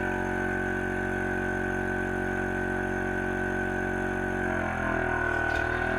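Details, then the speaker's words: A suction machine is switched on and tested by suctioning saline water before a nasotracheal suctioning skills demonstration: a steady motor hum, then brief gurgling as fluid is drawn through the catheter. "so what we'll do is um again for the sake of this video i'll go ahead and turn the suction on and i'm just going to suction a little bit of the saline water"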